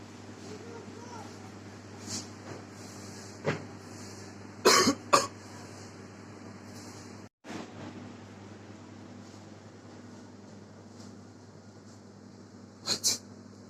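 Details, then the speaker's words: Several short, sharp acted coughs, including a pair of loud bursts, over steady vehicle rumble in a public setting; a staged cough in a public-service clip on cough etiquette, covering the mouth with a mask, inner upper arm or tissue. "Ketika kita ingin batuk di muka umum, yang pertama kita harus menggunakan masker."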